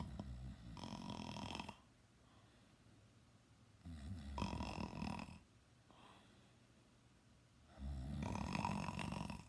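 Loud rumbling snores, three long breaths about four seconds apart, quieter breathing between; snoring.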